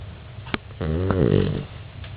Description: Our dog snores loudly.